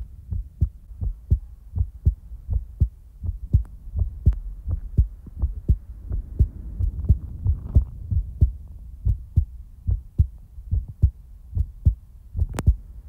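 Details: Real-time heartbeat recording: steady low thumping at about 85 beats a minute in a regular rhythm; a normal heartbeat.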